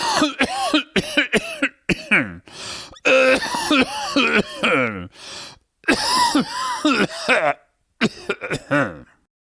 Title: Man Coughing Sound